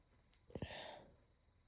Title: attempt at holdbacks + stifles (sniffles, coughs, talking)